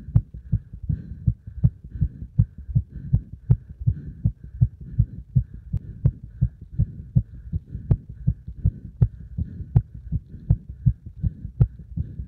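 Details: Heart after combined beep-test shuttle running and squats: strong, fast, regular heartbeats with a steady thumping rhythm after hard exercise, with a faint hum in the background.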